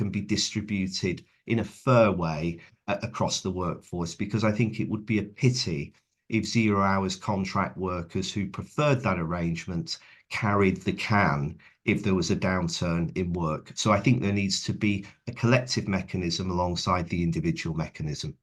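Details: Adult man speaking; Normal speech.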